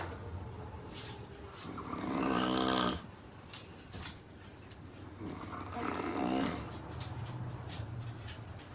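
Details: Adult woman asleep on a couch: loud, rattling snores on each in-breath, two in about nine seconds, with quieter exhalations between; heavy snoring audible across the room.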